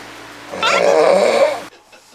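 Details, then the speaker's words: Snoring of a middle-aged entertainer asleep at dawn, from a TV variety show clip: a single loud, rattling snore about a second long, over a low steady background hum. "새벽 시간 한 출연자의 코고리 소음이 방 안에 정막을 깨고 울려퍼집니다"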